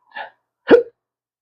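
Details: Man with chronic hiccups, speaking about losing his careers and social life: a short breathy sound followed by an abrupt voiced 'hic' with a sharp catch.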